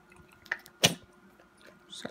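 A single sharp, explosive burst of air in a quiet room, consistent with a sneeze.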